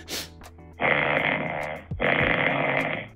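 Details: Snoring during night sleep recorded by a Huawei smartwatch: two loud, rough, rattling noises about a second long each on back-to-back breaths, over a faint background hum.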